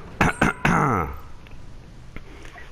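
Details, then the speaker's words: Three quick, harsh cough bursts from a gamer with a hoarse voice whose cough came back, the last trailing into a short voiced groan, then quiet room noise. "excuse my voice. Guess what? The cough came back."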